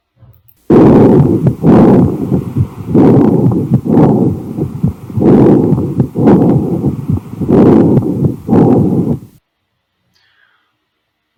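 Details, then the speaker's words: Simulated normal bronchial breath sounds heard near the sternal angle: hollow, medium-loud airflow with a short inspiration, a longer expiration and a faint heartbeat beneath. "aqui vocês puderam então observar e a inspiração é memória ea expiração é mais longa"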